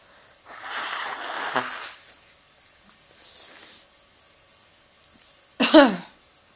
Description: I had a sudden desire to sneeze a lot so I made these come out ;)